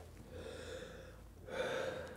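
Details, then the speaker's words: Normal breath sounds heard through a stethoscope on the upper chest while breathing with mouth open, in a children's documentary: soft rushing airflow, a quieter breath then a louder deep inspiration. "sei es die luft durch die lunge was richtig krass"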